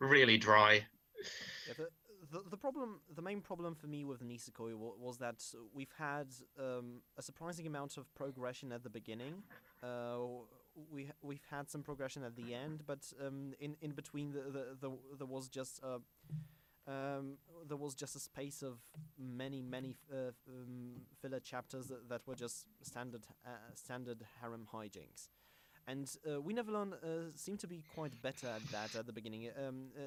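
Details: Self-described stammering male podcast host whose show combines a podcast with speech therapy; stuttering.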